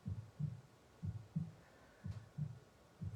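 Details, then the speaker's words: Regular heartbeat played in the background of a guided breathing meditation: steady paired low lub-dub thumps at about 60 beats a minute. "and start with a deep breath in and you may note the sound of the heartbeat in the background"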